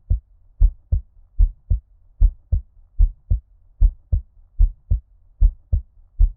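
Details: ASMR heartbeat with ear-cupping effect, muffled underwater-like, no talking: deep lub-dub beats, steady at about 73 beats a minute; normal-rate heartbeat.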